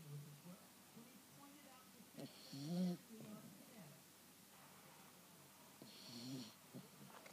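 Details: Sleeping Chihuahua dog at mid-morning: two soft, low, fluttering snores over quiet room noise; snoring.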